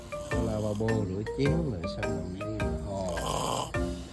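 Loud, grunting, irregular snorting snores with music mixed in; snoring during sleep.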